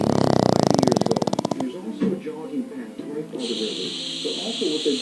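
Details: Pug sleeping and snoring very loudly: one loud, fluttering, rattling snore, then quieter breathing noise with background voices.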